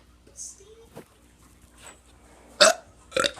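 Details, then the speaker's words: Teenager doing deliberate burps while trying to talk through them: several burps, the last two loud and rough, with faint voice sounds between; burping. "so um i'm about to do some burps and talk because this one dude requested me to talk"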